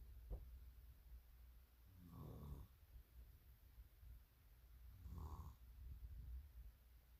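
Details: Faint, low rumbling snores about every three seconds under a steady background rumble; soft snoring.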